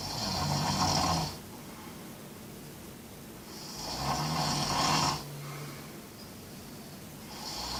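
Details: A sleeper in a Camino pilgrim dormitory: loud rattling snores on the in-breath with quiet breathing between them, about 16 a minute; snoring.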